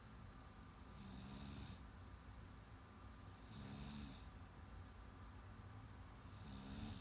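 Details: Sleeping cat snoring: soft, low rumbling snores about one every three seconds over steady room noise; ordinary snoring.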